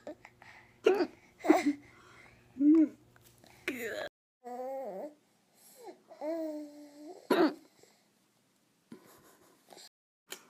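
Several abrupt, jerky gulping bursts, some with a brief voiced squeak, separated by quiet gaps and other small vocal sounds: hiccups.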